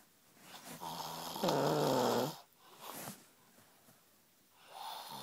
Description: Not even booting him made a difference